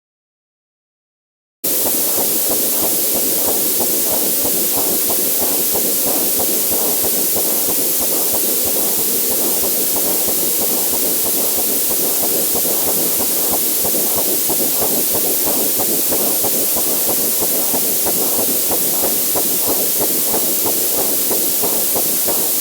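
Rapid, regular whooshing pulses over steady hiss, the fast heartbeat of a fetus on Doppler ultrasound.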